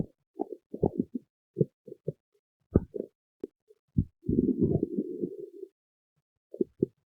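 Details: Irregular low gurgles, pops and a longer bubbling rumble from the belly; ordinary stomach growling (borborygmi).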